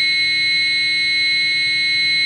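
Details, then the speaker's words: Steady high-pitched electronic beep from a training AED during CPR training, pads placed top right, after rhythm analysis; beep prompts rescuers to perform chest compressions. "you hear this beep that's the right that you're supposed to be doing the compressions"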